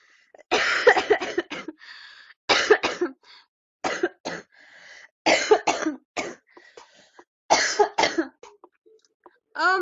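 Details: Five bursts of repeated harsh coughs, several each, with brief gasps between; recurrent coughing fits in a girl who says her cough is getting worse.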